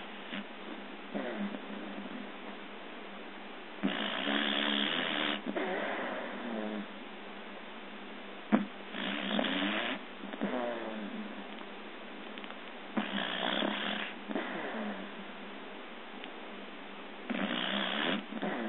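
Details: A person snoring during sleep: rough, fluttering breaths recurring every four to five seconds, about a dozen a minute, over a steady hiss; recorded on an Android phone.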